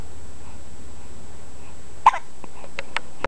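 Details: Boy aged 3 weeks 4 days, weighing 8 lb 7 oz, just after a bath and a feed, gives one sharp hiccup and then a few fainter brief ones over a low background hum: ordinary infant hiccups.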